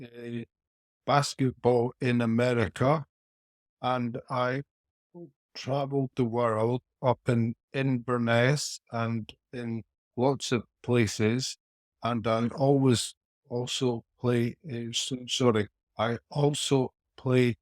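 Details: Aphasia after a haemorrhagic stroke at age 49 in a male businessman, about four years earlier, following four years of rehabilitation; speech impairment persists and is inconsistent.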